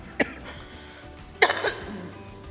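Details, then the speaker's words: Adult with a sore throat coughing during a press conference: two short, sharp coughs about a second apart, the second with a brief follow-on burst, over soft background music. "[咳嗽]不好意思，我嗓子疼。"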